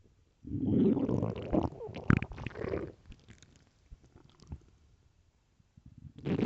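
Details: Early-morning stomach growling recorded for headphone listening: low, gurgling rumbles followed by softer bubbling noises as gas and fluid move through the gut; borborygmi.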